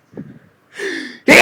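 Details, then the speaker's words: A quick in-breath, then a single loud explosive sneeze outdoors; the person says being outside triggers their allergies and makes the nose itchy. "oh I always just get so Sneezy when I'm Outdoors oh here comes another one oh it just makes my nose so"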